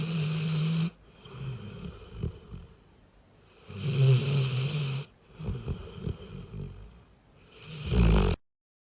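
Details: Doberman dog asleep on the bed: deep, rumbling snores alternating with quieter breaths, about 15 breaths a minute; a dog snoring in sleep.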